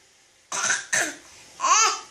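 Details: Child fake sneezing: three quick, playful imitated sneezes, the last one voiced, not a real sneeze or cough.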